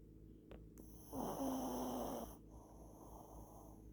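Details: Single rough, rattling snore on the in-breath, then quiet breathing against a faint steady high hum; snoring.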